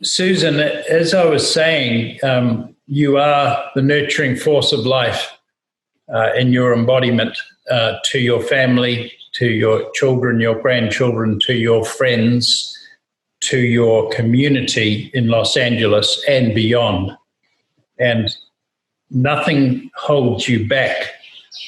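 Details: Adult male speaker; normal speech.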